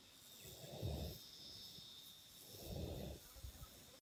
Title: Cow falls asleep and snores on Fiona's arm!